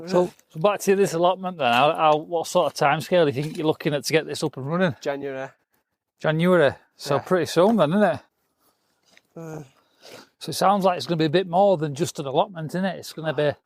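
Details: Adult male speaker, conversational interview; typical speech.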